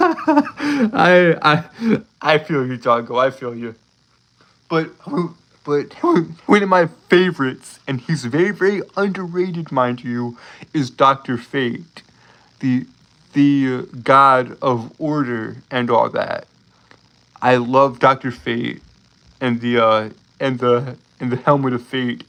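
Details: Adult male streamer who says he has a speech impediment causing him to stutter and trip over his words; sound and word repetitions; stuttering.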